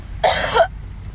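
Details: Singer performing despite a severe cough: a single harsh cough burst over low background rumble.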